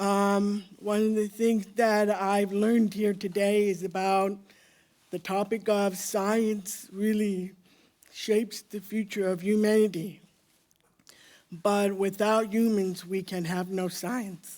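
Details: Woman deaf since birth, speaking orally; deaf speech.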